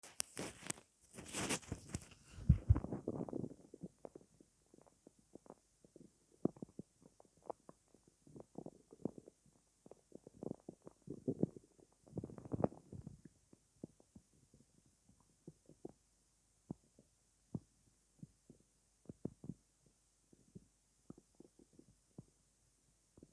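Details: Adult stomach growling at night after not eating all day: irregular gurgles, pops and low rumbles, borborygmi.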